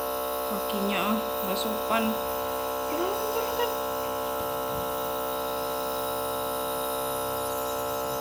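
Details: 2-year-old child who has a cough and is getting steam/nebulizer treatment: steady electric buzzing hum of the running nebulizer compressor, with the child's faint voice and brief talk over it.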